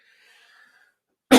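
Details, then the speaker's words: Single short, sharp cough after a faint breathy exhale, from a man getting over a cold (not COVID) with a troublesome cough lasting about two weeks, heard during podcast speech. "man I apologize for the coughing I just have had some serious issues here it's not covid you know but uh man oh man it's been annoying the last two weeks"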